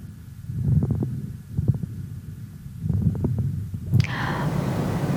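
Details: Pediatric auscultation teaching recording of the chest: fine crackles.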